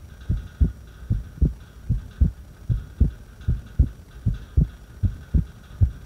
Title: Irregular heartbeat breath hold